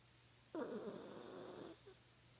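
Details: Snoring during sleep, eyes open.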